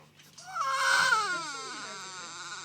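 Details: Baby girl, said to be tired and hungry, around her first sneeze: a single short, high-pitched infant cry that starts sharply and trails into a whimper, in a quiet room.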